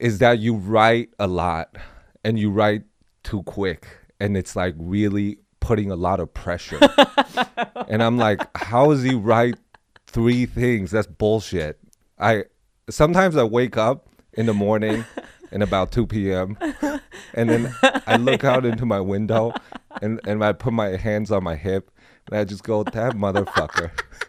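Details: Adult male speaker; plain speech.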